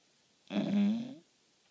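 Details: Sleeping dog: a single loud, deep, vibrating snore lasting under a second in a quiet room; loud snoring like a grown man.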